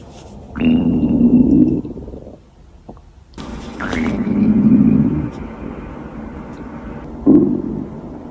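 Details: Hungry girl's stomach growling, from a compilation: loud, drawn-out growls with a squeaky, whining edge in several separate bursts, hunger borborygmi.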